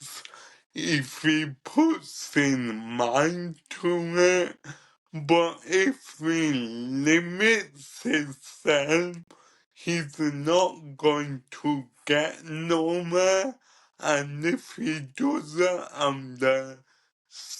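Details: Ataxic dysarthria in a 27-year-old man with cerebral ataxia, present from birth and diagnosed at about 15; he describes it as degenerative, affecting his coordination, talking, movement and daily tasks.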